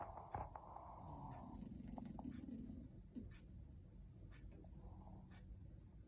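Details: Sleeping cat snoring: a soft, steady low rumble rising and falling with each breath, closely resembling purring.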